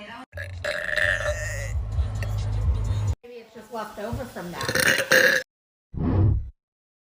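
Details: Long, loud, low rumbling burps with a short final burst, over background music: burping.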